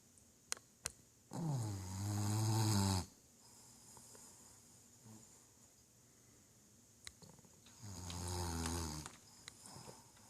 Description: Winston snoring up a storm with his tongue out